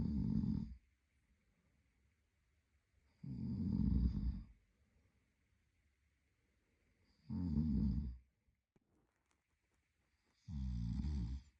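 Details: An adult male sleeping partner snores: four loud, rumbling snores on breathing in, roughly every three to four seconds, with quiet gaps between.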